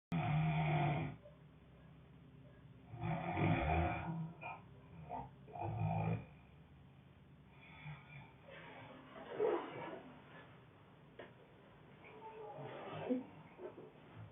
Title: Growling snoring 3